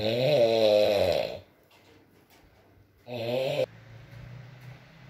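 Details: ASMR recording of a sleeping man (boyfriend) snoring, with rain in the background: two buzzing, fluttery snores with a quiet pause between, over soft background noise; snoring.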